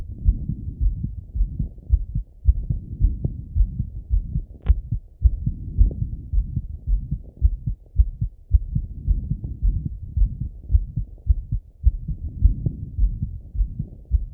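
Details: Male, self-auscultation with a stethoscope after a workout set: strong, fairly regular heartbeat at about 110 beats a minute; fast heartbeat after exercise.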